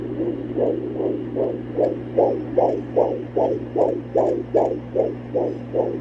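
Rapid, regular whooshing pulses of a fetal heartbeat on Doppler, about 150 beats a minute.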